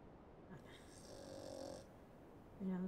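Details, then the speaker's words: Male pug snoring in the background, the sound rising louder when he gets a deep snore in; snoring. "pug snoring, if you can hear that. I'm assuming you can. Things going up more when he really gets a good snore in there."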